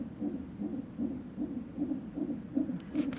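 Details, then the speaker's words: Fetal heartbeat from a monitor strapped on the lower belly of a past-due pregnant woman at a check-up: fast, regular whooshing pulses at about 150 a minute, a normal fetal heart rate. "ahead of this one her lower belly which is measuring the heartbeat"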